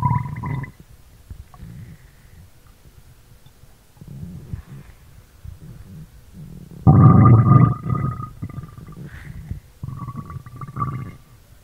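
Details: Stomach growling recorded in ASMR style: low gurgling and rumbling bowel sounds (borborygmi) from the abdomen, with a louder prolonged growl partway through.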